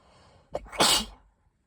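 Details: Pre-cold tickly sneeze: a quick in-breath catch, then one forceful, hissing sneeze that trails off into quiet.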